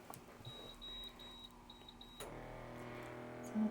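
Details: Quick run of short, high beeps as an automatic blood pressure monitor switches on, then a steady low tone in a quiet room; cuff measurement during a home dental hygiene visit for a special-needs client, reading 110/62.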